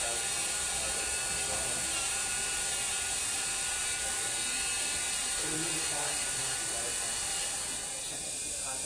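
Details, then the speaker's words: Dental handpiece with steady high-pitched whine and grinding, trimming excess composite to the facial margin while repairing a fractured five-unit provisional restoration (teeth 6–10, fracture between 8 and 9). "so the excess will be trimmed off right to this facial marginal line right here so I'm going to do the trimming and then I'll be back"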